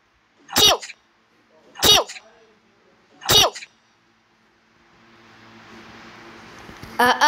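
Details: Cartoon (Numberblocks) character, not a real recording: three sharp, evenly spaced simulated sneezes followed by faint background noise.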